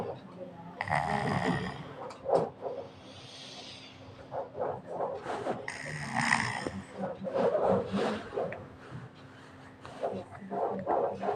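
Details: Rough, noisy breathing rising and falling with each slow breath against a quiet room hum: a child snoring during sleep.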